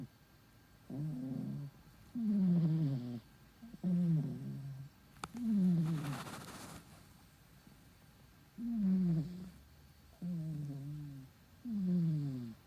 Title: kitty snore zzz zzz